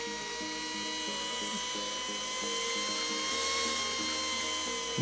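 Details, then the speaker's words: Simulated bone saw in a VR total knee replacement simulator: a steady high whine over background music as the tibial plateau is resected through a cutting guide anchored by pins on the anterior tibia. "okay now I can use the bone saw to resect the tibial plateau so it'll we'll be able to cut in in this guide"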